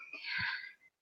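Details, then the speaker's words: Flat-faced brachycephalic dog with brachycephalic obstructive airway syndrome: a single noisy, snorting, whistly breath, which a vet explains is a common but abnormal upper-airway sound (stertor) in a dog that can't breathe properly. "basically what have we got we've got a dog that can't breathe and for many of us we think that those funny breathing sounds like Mordecai is doing right now are actually normal"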